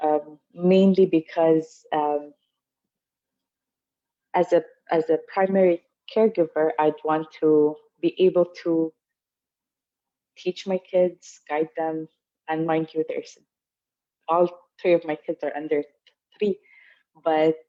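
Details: Adult woman, mother of young children, who stutters; stuttering.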